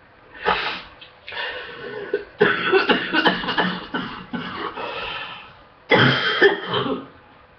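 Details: Morning cough during an illness, improving overall and awaiting medication: bouts of harsh, loose coughing, several coughs per burst with short pauses between bouts.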